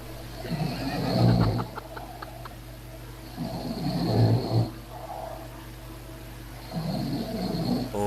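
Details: Friend snoring while sleeping after a heavy drinking binge: three loud, rough, low snores on inhalation with quiet gaps, about 20 a minute; ordinary snoring.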